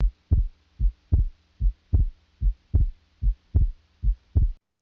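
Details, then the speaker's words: Adult patient heart auscultation illustrating normal S2, the closure of the aortic and pulmonary semilunar valves at the end of ventricular systole, audible at the mitral focus: regular lub-dub sounds at about 75 per minute. "el segundo ruido oeste 2 se asocia con el cierre de las válvulas semi lunares aórtica y pulmonar al final de las historia ventricular se puede ocultar en el foco mitral y se escucha en todas las personas"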